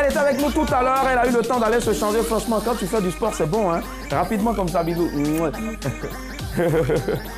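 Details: Adult speaker, French; ordinary speech.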